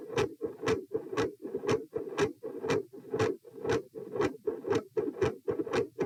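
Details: Heart sounds recorded at position p while moving from sitting to standing: rapid, regular beats with a consistently loud S2, a variable S1 and episodes of murmur.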